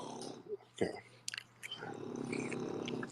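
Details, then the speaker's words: Pet dog named by owner snoring nearby: low, rattling, buzzy snore building steadily, with faint clicks and bumps in the room. "I know y'all hear my dog snoring over here my dog snoring like a big [ __ ] just sitting here snoring Lulu"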